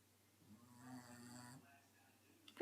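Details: Snoring sounds from a dog that is awake.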